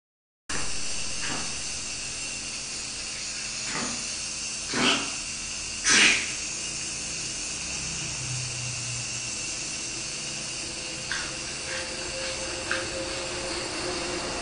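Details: Pug, a short-nosed breed with respiratory problems, receiving nebulization; steady hiss of the running nebulizer with a few louder breathy puffs and faint snuffling over the top.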